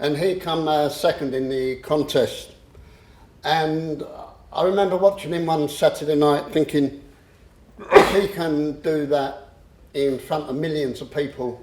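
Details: Adult man who stammers; he describes swapping words and later using a breathing technique to control it; stammering (stuttering).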